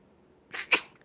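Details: Infant with hiccups gives a single quick sneeze: a brief breathy intake, then a sharp, high-pitched burst of air.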